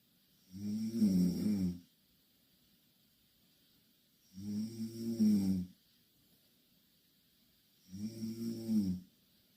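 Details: Two Korean girls snoring in the same bed: three loud, rough snores on inhaling, roughly 14 a minute, with quiet pauses between; snoring.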